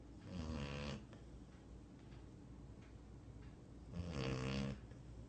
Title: Snoring Dog